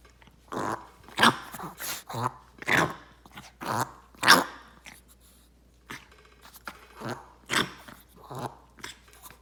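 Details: Repeated harsh, hacking coughs in irregular bursts, about a dozen over nine seconds, from a dog named Leo; cough.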